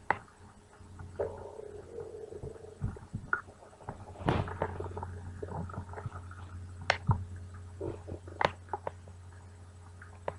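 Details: Woman on a television show, wanting lunch: gurgling, rumbling abdominal sounds with squeaks and pops, ordinary stomach growling (borborygmi) from moving gas and fluid.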